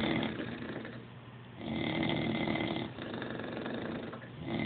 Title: Synchronized snoring.